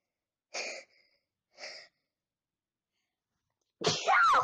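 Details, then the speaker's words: Sneezing challenge: two short, sharp sneezes about a second apart, followed by a loud voiced exclamation; repeated sneezing. "You see how much times I'm sneezing?"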